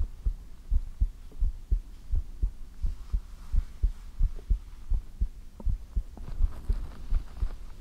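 Regular lub-dub heartbeat, about 85 beats a minute, with soft hiss of room noise.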